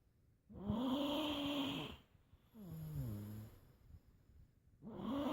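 Loud, throaty, vibrating snores on each in-breath, with a softer groaning sound on the out-breath; snoring.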